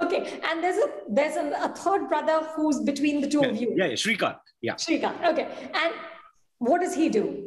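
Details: Adult woman speaking; typical speech.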